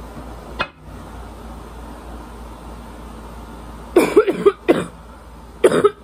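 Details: After a quiet stretch, a run of harsh, barking coughs with a wet, congested edge, then two more bursts, from an adult reporting increasing congestion and suspected allergies; congested barking cough.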